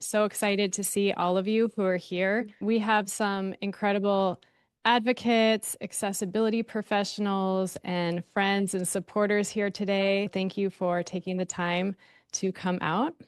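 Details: Adult woman speaking; normal speech.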